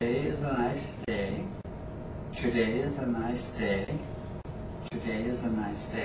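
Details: Patient with spinocerebellar ataxia types 2 and 10 repeating a test sentence; ataxic dysarthria.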